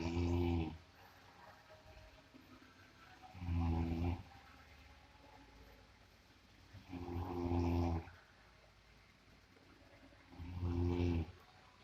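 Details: Person snoring likened to a water buffalo: loud, low, rattling snores on each breath in, about 17 a minute, with quiet breaths out between them.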